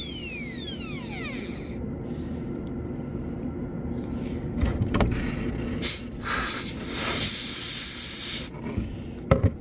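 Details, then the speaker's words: High-pitched drill whine with intermittent hissing bursts as a dental handpiece rounds corners of a class II DO amalgam preparation on a maxillary first premolar, a bench exercise, occlusal surface first. "I'm round rounding off the [Music] corner so I hit the cover surface first and then go lower"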